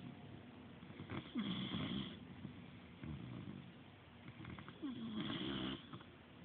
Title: Mr. Bentley snoring at the Featherball.